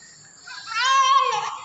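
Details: Newborn female twin delivered by LSCS, covered in thick vernix and being cleaned with baby oil, described as healthy with good Apgar and clear S1 S2: short, loud, high-pitched wail, a vigorous strong newborn cry.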